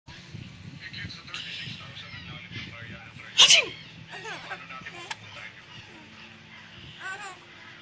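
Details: Single sudden, loud, noisy sneeze against quiet background talk and ambient sounds.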